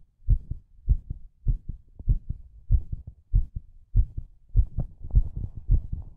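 Steady paired low thumps at about 100 beats a minute; an ordinary heartbeat.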